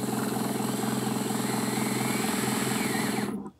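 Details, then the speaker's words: Guided DS PrimeTaper hands-on demonstration on a model with surgical guide, mandibular molar site, for a PrimeTaper EV Ø4.2 x 11 mm implant. Drill number three runs with a steady high-pitched motor whine, then stops and is reversed out. "so I go in with this drill number three put it in my starting position like that"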